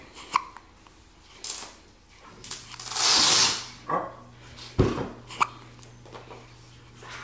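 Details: Several short, sharp hiccups with breathy noise between, in a quiet room, from a young child at home; hiccups.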